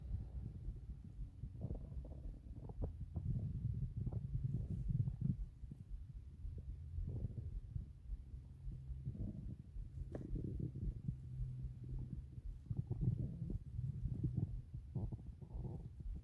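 Low, rumbling, gurgling bursts that come and go over quiet stretches: ordinary stomach growling, a normal gut sound.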